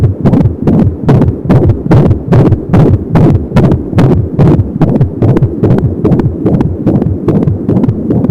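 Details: Fetal heartbeat at 25 weeks of pregnancy on an Angel Sound home fetal Doppler: rapid, regular whooshing pulses at 170 beats a minute, with softer swishing umbilical cord sound.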